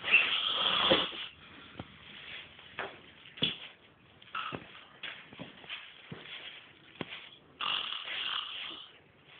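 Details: Rough, rattling snoring recurs during sleep in a quiet room, with an old metal futon creaking.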